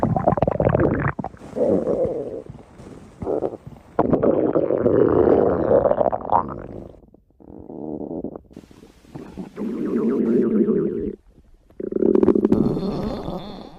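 Loud, irregular gurgling and rumbling bursts with brief pauses between them; ordinary stomach growling from gas and fluid moving through the gut.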